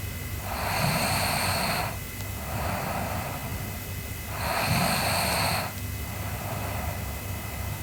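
Loud, rough snores alternating with softer breaths, about 16 a minute, over a steady background hum: snoring during sleep.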